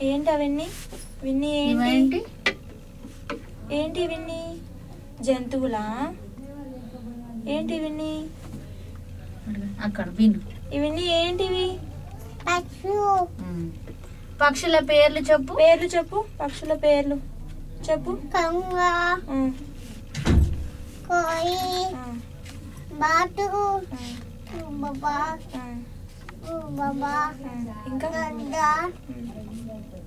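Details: Speech of a boy with a cochlear implant, counting in English after cochlear implant surgery; he now hears and responds better.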